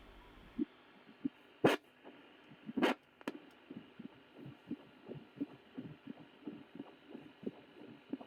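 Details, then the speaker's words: Adult heartbeat heard with a handheld fetal Doppler (Sonokid) probe placed on the chest after repairing its LM324 op-amp amplifier: soft, repeated whooshing pulses after loud probe-handling clicks; heartbeat via Doppler. "I put the device prob on my heart and we can see it that the sound of my heartbeat is easily"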